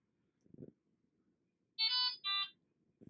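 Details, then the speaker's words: Fresenius Kabi Amika ambulatory enteral feeding pump: two short high-pitched electronic tones with the orange light flashing, signalling a discharged battery; silenced with the Stop button, then the pump is plugged into mains. Low battery alarm. "Alarme. Batterie déchargée. Le voyant orange clignote. Stoppez l'alarme en appuyant sur le bouton Stop."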